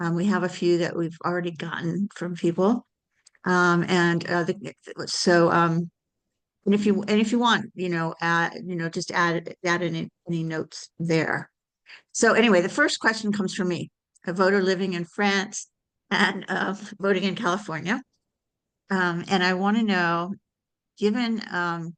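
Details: Adult speaker; normal conversational speech.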